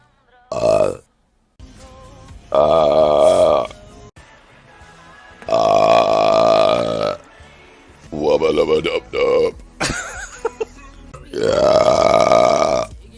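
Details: Compilation of burps from live streams, including a woman apologising that it was unladylike: about five long, loud, resonant burps with brief voiced bits between them and faint background music.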